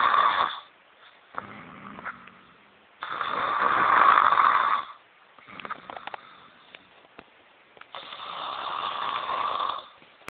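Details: Adult woman snoring: loud, rough snores on each in-breath, about 14 breaths a minute, with quieter rattly breathing between.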